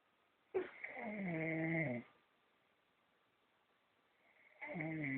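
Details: Sleeping pet named Joe snoring in a dark room: a drawn-out, slightly tonal snore followed by a long quiet pause before the next one.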